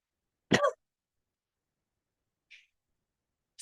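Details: A single short cough in a quiet room from someone recovering from an illness and coughing a lot while studying late at night, followed by faint small noises.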